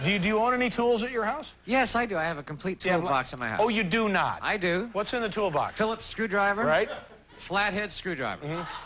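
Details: Adult men in conversation; normal voice.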